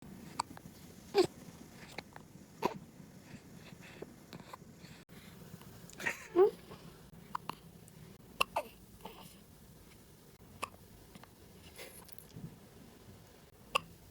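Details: Newborn (0–2 months) with hiccups: soft, brief catching sounds repeating irregularly, about eleven a minute, in a quiet room.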